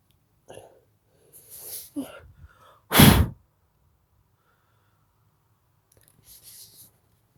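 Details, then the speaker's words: Quick indrawn breaths building up, then one loud explosive sneeze and a softer breathy sound afterward; a person's sneeze ("Halloween sneezes"). "This is Halloween sneezes."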